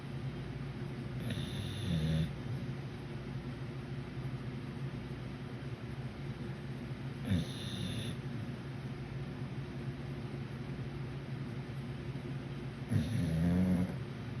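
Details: Dog snoring loudly in sleep: rough, rattling snores in regular breaths about six seconds apart, over steady room hum.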